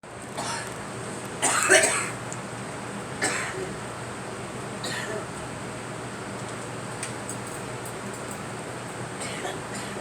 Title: Girl coughing